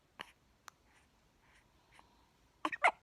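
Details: Two-week-old baby boy who can't stop hiccupping: small, sharp catching sounds at uneven intervals with soft breaths between; newborn hiccups.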